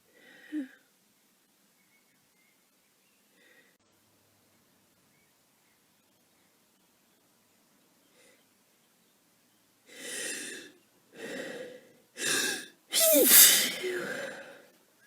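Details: Sneezing from a person with a cold for a few days who is exhausted, which may make the sneezes sound different: quiet breaths, then four forceful sneezes in quick succession, the last loudest.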